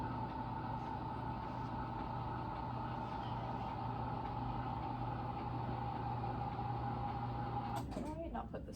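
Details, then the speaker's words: Steady low motor hum with a constant whine for several seconds, ending in a clunk: an electric hospital bed being adjusted before a student nurse inserts an NG tube through the patient's nostril. "so first thing I'm going to do is I'm going to adjust your bed sorry about the noise"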